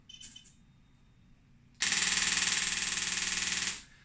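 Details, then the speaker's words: Radial shockwave therapy (rESWT) device at a foot and ankle clinic, ball bearing firing at a high rate: brief quiet, then about two seconds of fast, even rattling taps, roughly four a second. "Now, those rates are altered here, and they can be set at something very low, low moving but actually quite high impact, which sounds just like that. Doesn't sound like very much at all. Or it can range right the way down to something much more like this."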